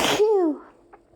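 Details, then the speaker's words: Allergy sneezing fit after opening windows on a hot summer day, with a nonstop nasal tickle for two minutes: a single explosive hissing burst with a falling voiced tail. "Oh my god. I'm not done. I still have to sneeze. There's more. No, I still have to sneeze."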